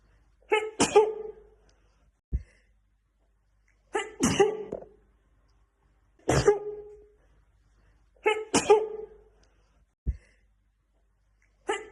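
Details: Black woman, sneezing fit in a looped TikTok edit: five forceful sneezes in about 12 seconds, each with a sharp intake and explosive burst, quiet between; repeated sneezing fit.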